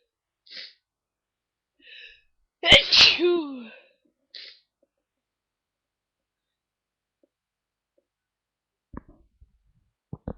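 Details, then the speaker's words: Early-morning sneezing fit: one loud voiced 'achoo' among softer sniffs and breaths in a quiet room, part of a run of repeated sneezes; sneeze. "Oh, I'm so. I was just so sneezy this morning, and I thought I'd try to give you a few."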